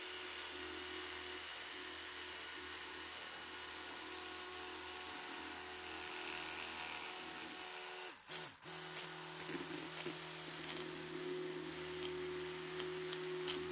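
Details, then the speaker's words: Electric toothbrush demonstrated in an ASMR dental check-up roleplay: steady high-pitched rotating buzz, briefly interrupted midway, faint background music; it buzzes every 30 seconds per mouth quarter. "And also it will buzz every 30 seconds to let you know that you're finished with the back quarter of the mouth."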